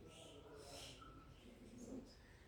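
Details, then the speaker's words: Asthmatic lung, chronic airway inflammation with narrowed bronchioles: brief high whistling wheezes over a low rumbling background of rhonchi. "Ronquidos y silbidos aparecen. Más silbidos. Es una inflamación crónica, la verdad."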